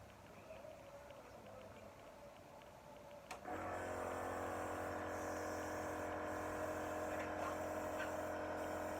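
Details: Steady nebulizer compressor motor hum, starting with a click, during a nursing student's practical exam demonstration of nebulizer treatment, chest physiotherapy and postural drainage on a role-play adult female patient.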